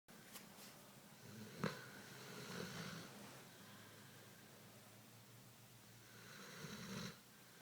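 Soft, breathy snoring with a low rumble and a sharp snort near the start, in a quiet room.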